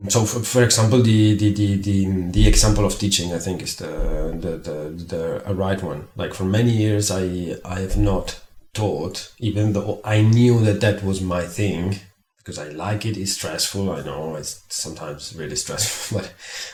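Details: Stuttering in an adult who stutters.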